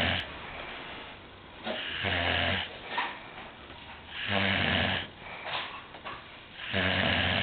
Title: snoring brother in law